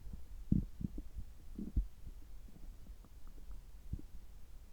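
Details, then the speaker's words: Adult's abdomen just after upper gastrointestinal endoscopy (gastroscopy), result normal, while drinking water: soft irregular low gurgles and thumps; ordinary bowel sounds. "先ほど胃カメラを受けてきました。ちょっと声が変ですけども、胃カメラ直後の、えお腹の音、胃の様子を聞いていただければ嬉しいです。"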